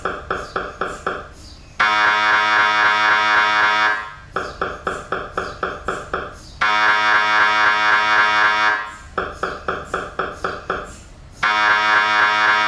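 Loud machine noise switching between rapid rhythmic knocking, about four per second, and sustained buzzing tones: typical MRI scanner sequence noise.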